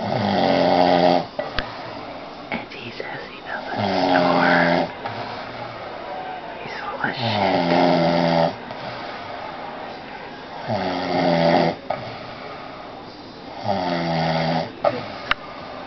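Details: Adult man snoring while asleep: loud, rattling snores with each breath in, about 17 a minute, separated by quieter breathing out.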